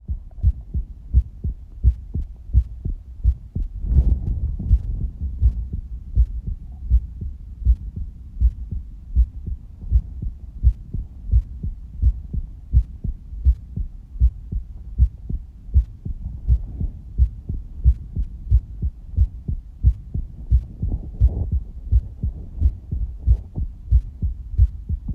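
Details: Regular low thumping heartbeat at roughly 86 beats a minute with faint rumbling between beats, recorded during breath-holding while showing a visible abdominal pulse.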